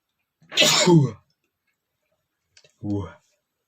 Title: sneezing male #15 (allergy to dust)